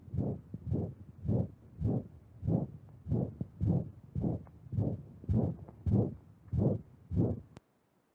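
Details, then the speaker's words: Diastolic murmur in a dog, played in a veterinary clinical medicine lecture: regular low whooshing murmur with each beat at about 105 a minute, noted as hard to tell apart from a systolic murmur. "so i'll let you have a listen at what diastolic number sounds like here"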